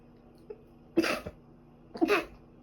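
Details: Sneezing immediately after getting out of a bath: two short explosive sneezes about a second apart in a quiet room.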